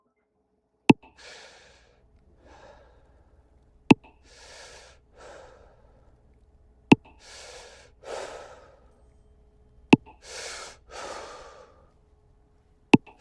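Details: Normal respiratory rate.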